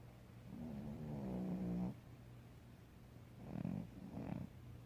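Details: Female cat snoring while asleep, real unedited sound: low rumbling, fluttering breaths, one long and two shorter, said to sound like an old man snoring.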